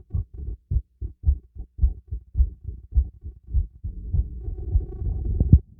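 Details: Heartbeat recorded through a stethoscope during a light workout with breath play: quick, strong beats at about 105 a minute, with breathing noise building toward the end; fast heartbeat during exercise.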